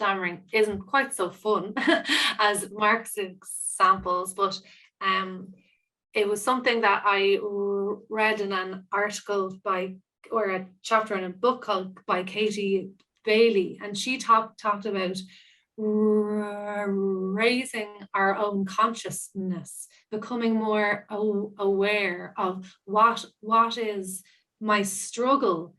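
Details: Stammering (stuttering) in an adult woman who describes herself as a person who stammers, with audible part-word and whole-word repetitions during real spontaneous speech.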